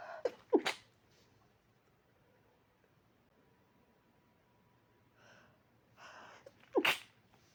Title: in need of a big sneeze, but forced not to